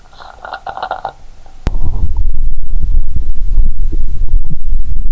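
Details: Stethoscope on the belly while lying down, after drinking cola with Mentos: continuous loud gurgling and rumbling, no sloshing heard; active bowel sounds, considered normal.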